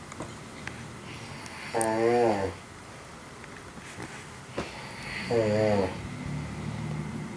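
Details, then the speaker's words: Two loud, pitched, vibrating snores a few seconds apart over quiet room noise, from a sleeping adult male friend at 6:45 am, real recording by someone kept awake; loud snoring. "I'm awake because of some serious snoring going on. I'm not going to say who this is. I've never been able not to sleep because of some snoring."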